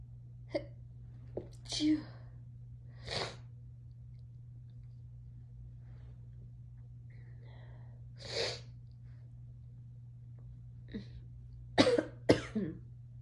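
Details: Roommates who were tipsy and high, sneezing in a variety of ways: a series of short sneezes of varying force from more than one person over a steady low room hum.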